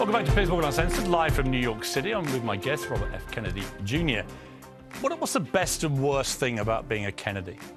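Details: Adult male speaker; normal voice.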